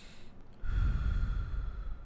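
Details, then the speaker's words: Deep breath heard on chest auscultation during a respiratory physical exam: soft, low-pitched vesicular murmur, best heard at the axillary region, produced by alveolar distension as air enters; deep breath. "Es provocado por la distensión de los alvéolos con la entrada del aire. Es un sonido suave y de tonalidad baja."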